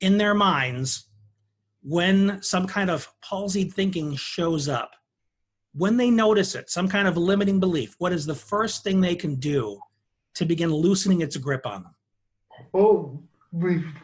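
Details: Adult male speaker; typical speech.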